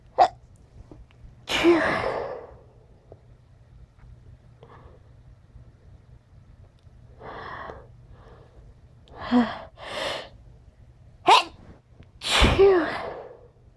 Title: sniffles and sneezes